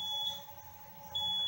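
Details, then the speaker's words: High-pitched electronic alarm tones with a pause between them from a hemodialysis machine showing maximum venous and dialysate pressure alarms, which may point to a vascular access problem; hemodialysis machine high-pressure alarm. "y la identificaremos en la pantalla principal cuál es la alarma. En este caso, máxima presión venosa, máxima presión de dializado."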